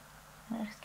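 A brief low, squeaky gurgle rises out of a quiet room: ordinary stomach rumbling, which is normal.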